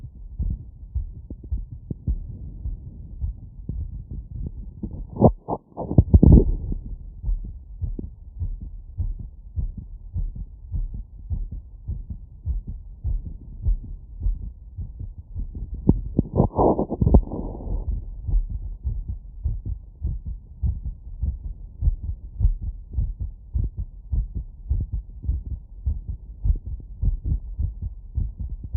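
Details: Fast, regular heartbeat after running, heard with a wireless stethoscope at valve areas (pulmonic, aortic, Botkin-Erb's), with two brief scraping noises as the chest piece moves.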